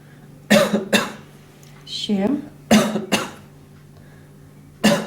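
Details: Five short, sharp voluntary coughs from an adult, given on request in pairs with quiet gaps, during a training-exam stethoscope examination of the chest to tell main from added breath sounds.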